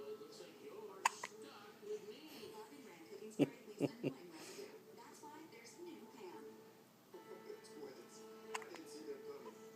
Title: Baby hiccups